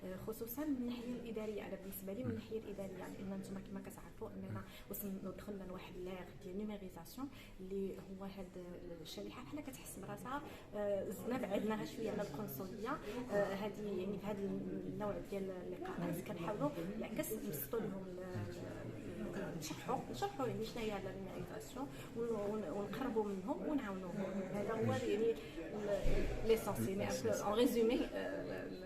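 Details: Adult speaker; normal speech.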